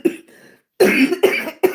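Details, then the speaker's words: Adult woman with lupus and anti-Jo-1 antibody lung involvement, never a smoker, speaking live: a quick run of about four short, dry coughs; dry cough from lupus-related lung disease. "So that's why you'll hear me be um coughing and you'll hear tell people say get something to drink cuz they hear it."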